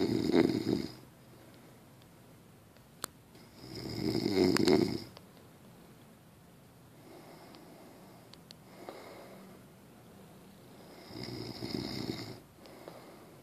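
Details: Three loud, low rattling snores about every 4 seconds with quieter breaths between, in a quiet room; snoring.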